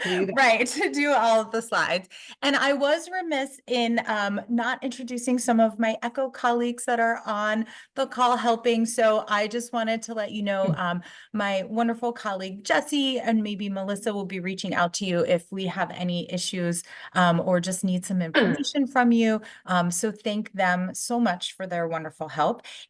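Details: Adult woman speaking; normal voice.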